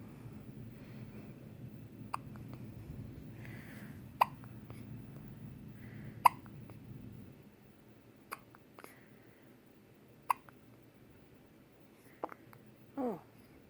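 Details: Soft, sharp hiccup clicks about one every two seconds in a quiet room, then a small cry, from a baby boy in hospital; infant hiccups.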